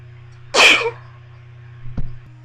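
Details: Induced sneeze from tickling the nose with a bobby pin, in a session of about 30 sneezes: a single sharp, explosive sneeze over a low hum, then a small sniff.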